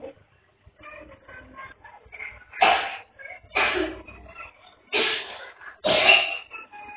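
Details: Four loose, harsh coughs a second or so apart from a child (Ishaq) with a cold, runny nose and dizziness during the rainy season, with soft voice and movement sounds between; cough.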